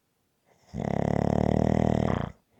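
A single long, buzzing, fluttering snore lasting about a second and a half. Typical snoring from soft palate vibration.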